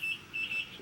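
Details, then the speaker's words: IV infusion pump alarm in a mother after her third C-section birth at 37 weeks: repeated high-pitched beeps, triggered when she bends the arm with the IV, though fluids are still flowing; she received pain medication through the IV. "it's in my arm which is why you hear beeping because if I bend my arm too much it starts to be like I guess to inform the nurse that it might have stopped"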